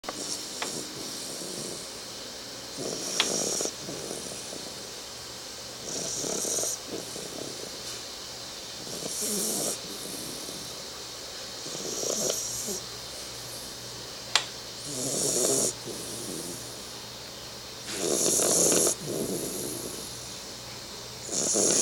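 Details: 3-month-old Bull Terrier puppy snoring while asleep: soft, regular snoring bursts at about 19 breaths a minute, with a faint room hiss.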